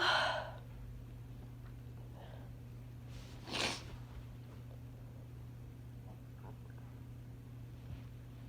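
A single soft sneeze burst over a steady low hum.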